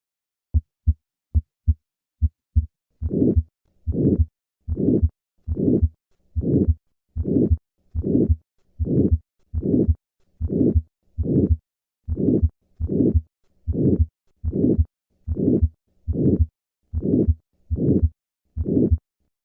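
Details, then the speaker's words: Aortic stenosis murmur: harsh, diamond-shaped, late-peaking systolic murmur at about 75 beats a minute, heard best at the second right intercostal space with the stethoscope diaphragm, patient leaning forward. "In summary, aortic stenosis presents with a harsh, diamond-shaped, late-peaking murmur heard best at the second right intercostal space with the patient leaning forward."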